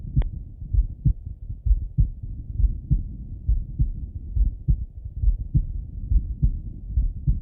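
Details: Male heart auscultated with a stethoscope, recorded partly sitting at a desk and partly lying in bed: steady low lub-dub beats at about 68 a minute; normal heart sounds.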